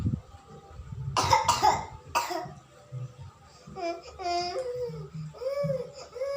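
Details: Three harsh coughs from a young child with flu and cough during traditional massage (pijat), followed by whimpering and crying.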